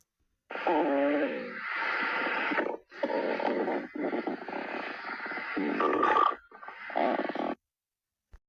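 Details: Long, loud rumbling and gurgling stomach growls in several stretches: ordinary borborygmi.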